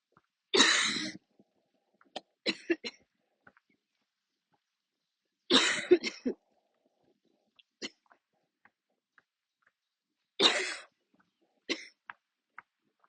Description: well i went for a walk, i was almost at the end when my lungs decided they didn't like the idea :)) luckily there were no people around so i could cough freely, usually when an attack comes i need to stop and sit/kneel down, but this time i just kept walking as i had a train to catch, enjoyyy